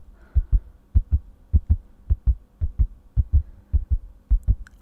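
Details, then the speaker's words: Normal heartbeat, simulated in an ASMR cold and flu examination role play: regular lub-dub heart sounds at about 100 a minute via stethoscope, no extra sounds; examiner notes no murmurs and no tachycardia, somewhat fast. "okay sounds relatively normal there's no tachycardia it's going quite fast but not i'd say it's about"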